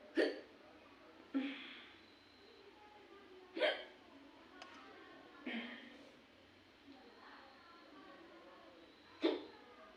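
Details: Hiccups in a woman: five sharp, abrupt hiccup sounds at irregular intervals, about 17 a minute, in a quiet room.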